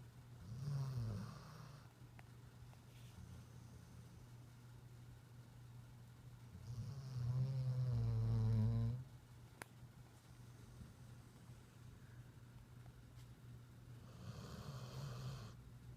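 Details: Puppy snoring during an evening nap: low rumbling snores with slow breaths, about three in sixteen seconds, one longer and fluttering, over steady room hum.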